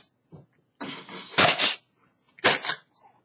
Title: sneeze